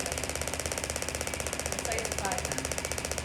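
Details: Radial shockwave therapy on a tennis elbow with the R040 applicator at 2.6 bar, 15 Hz: fast, even mechanical tapping like a small jackhammer with faint talk behind it; radial shockwave device firing.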